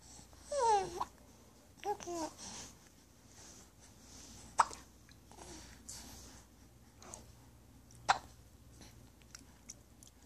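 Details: A baby who has had hiccups for a long time today, talking through them: babbling broken by sharp, sudden catches in the voice and short abrupt clicks.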